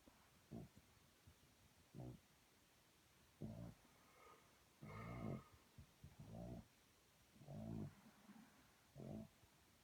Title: Sprout snoring